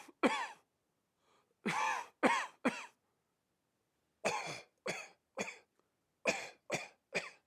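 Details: A recorded adult coughing sound effect played to desensitize dogs: ten short, harsh cough bursts in three clusters with quiet gaps.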